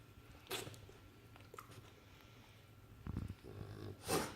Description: This is what is called "reversed sneezing"....